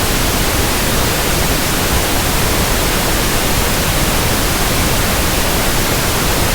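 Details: Steady pink noise hiss used as a simulated tinnitus sound for tinnitus sound matching, comparison and frequency testing of ringing or persistent background noise in the ears.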